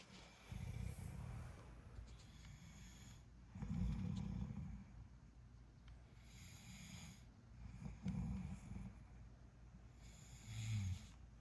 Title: Snoring tonight 💤